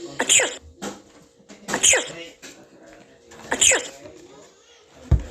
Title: 361 sneeze add round 1